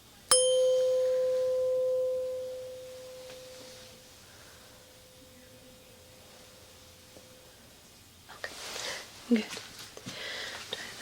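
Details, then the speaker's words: Simulated ear exam role play: tuning fork struck with a small mallet for a hearing test, ringing a pure steady tone that slowly fades out, followed by soft rustling. "And I have this little baby mallet, and I'm going to pop the side of the tuning fork. Perfect. We're just going to see how well you can hear it."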